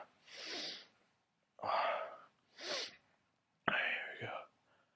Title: Funny Sneeze Called Freak